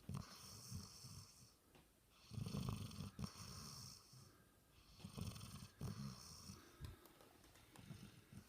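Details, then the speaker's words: Dog asleep, low rattling snores rising and falling every second or two; snoring. "Listen to him snore. When he lays on the floor and snores, it sounds like a train coming through because I got wood floors."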